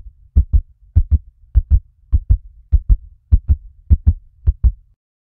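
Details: Human heartbeat in a sound-effect recording: steady paired low thumps at about 100 beats a minute, a fast heartbeat.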